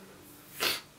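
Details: Single sharp, hissing adult sneeze at the end of a vlog, brief and loud against quiet room noise.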